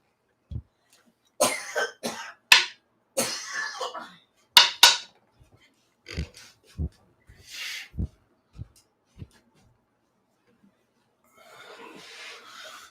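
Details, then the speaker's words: Dog's fit of harsh, hacking coughs, followed by softer low throaty bursts and a gagging rasp; the coughing fits recur periodically. "um for those of you who are here specifically for the um periodic uh death bed coughing fits that you enjoy here you go"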